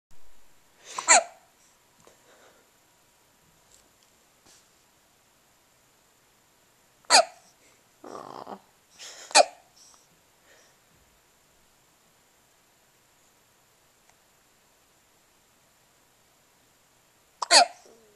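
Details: Four sharp, sudden hiccups spaced irregularly over about 18 seconds in a quiet room; hiccups.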